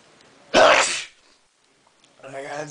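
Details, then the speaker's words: Person in a sneezing fit that began about 20 minutes earlier, four sneezes in under a minute: one loud, explosive sneeze with a sharp onset that quickly fades into quieter sound. "hey YouTube This Is Me sneezing repeatedly and it happened it started about 20 minutes"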